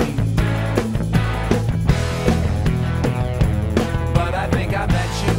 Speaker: a hearing aid helps with this degree of hearing loss but it does not bring hearing back to normal